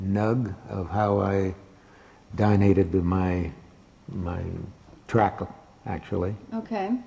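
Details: Adult male speaker; Wernicke's aphasia.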